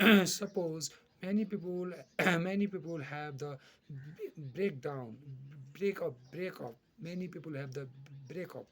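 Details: Stuttering in an adult male teacher from Nepal, formerly a severe stutterer who still stutters many times in public speeches.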